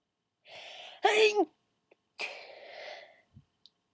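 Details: Stifled sneeze, done on request before sneezing full out: a breathy in-breath, a short suppressed sneeze burst, then a long sighing out-breath.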